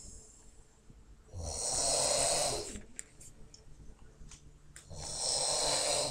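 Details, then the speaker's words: A woman snoring. "So, this is the snoring lady. And here it comes. Hear it?"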